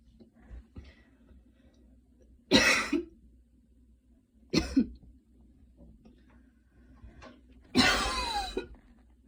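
Three short, dry coughs a few seconds apart in a quiet room: a light cough after hard running.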